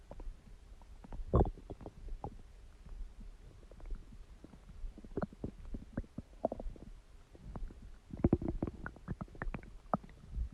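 Irregular bubbling gurgles and low squelches, with a louder burst near the end, stomach growling.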